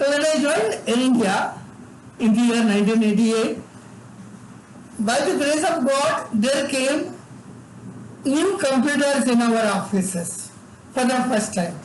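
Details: Adult man with severe cerebral palsy from birth, involuntary tremors in all parts of his body, unable to talk until age eight; dysarthria in cerebral palsy.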